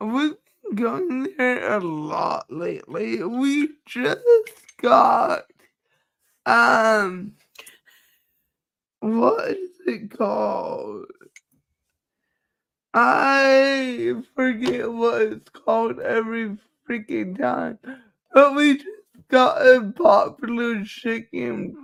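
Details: Adult woman with cerebral palsy, which she says is why she talks this way and that nothing can be done about it; dysarthria (cerebral palsy).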